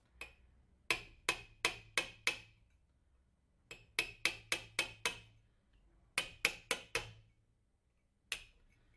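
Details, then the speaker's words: Anterior-approach ankle arthrodesis demonstrated on a model: sharp wooden mallet taps in rapid bursts of four to five on an osteotome removing large anterior ankle osteophytes that block the view into the arthritic joint. "in the majority of arthritic ankles there are large osteophytes in the anterior ankle joint that block or obstruct The View into the joint for this reason it is typical to remove them with an osteotome or chisel"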